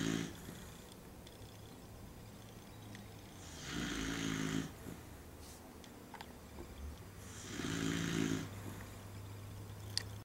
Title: The Snoring Dog